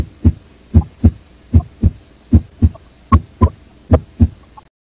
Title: Normal Heart Sound